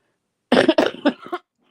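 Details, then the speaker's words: A single harsh, barking croupy cough from an adult woman, ill about a week after a sore throat, taking over-the-counter Robitussin. "Yeah, Gemma, it's a nasty one too. It's one of those croupy coughs, that."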